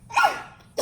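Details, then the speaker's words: A single brief, high-pitched, squeaky burst of air from a person who announced they were about to sneeze, likened to a little mouse: a small, soft sneeze. "oh that sounds like a little mouse that was cute"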